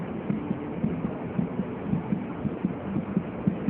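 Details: Rapid, regular, soft thumping pulses at roughly 140 per minute over a steady hum, heard during Leopold examination, fetal back on the right, lower right quadrant; counted in 5-second intervals; normal fetal heart sounds.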